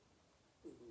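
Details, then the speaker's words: Quiet room, then a brief low gurgling rumble near the end: adult's stomach rumbling (borborygmi). "decided to sorry if you can hear my stomach rumbling"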